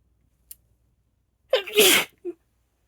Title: itchy allergy sneezes #female #sneeze #allergy